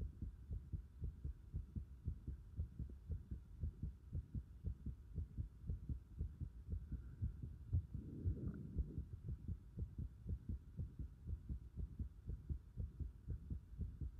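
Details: Regular, quick low thumps at about 118 a minute: heart sounds recorded together with the pulsation at the pit of the stomach (epigastrium).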